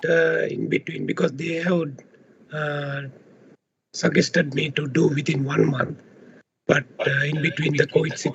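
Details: Adult man with unilateral left vocal fold paralysis; surgery had been suggested; recorded before voice therapy; the clinician describes the voice in this condition as low in loudness, breathy and hoarse.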